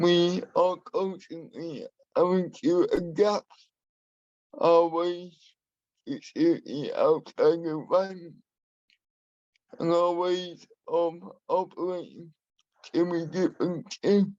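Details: Adult man with spastic and dyskinetic cerebral palsy who uses a wheelchair; he has a speech impairment that he has worked to minimise and still practises; dysarthria (cerebral palsy).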